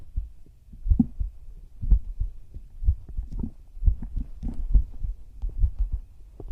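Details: Regular, soft, low double thumps with faint rustling in a heartbeat ASMR recording of a female VTuber's own heartbeat, about 65 beats a minute: steady normal heart sounds.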